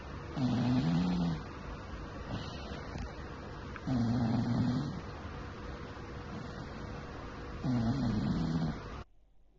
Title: Second snore in the philippines